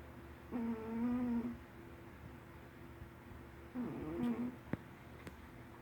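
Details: Two short, higher-pitched nasal snorting breaths in a quiet room with a faint click afterward; light snoring.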